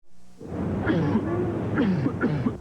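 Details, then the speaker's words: An adult gives about three harsh, rough coughing bursts with voiced groaning between them, over faint music; an acted bad cough in a 1992 cough-medicine TV commercial. "That cough sounds awful. Come home."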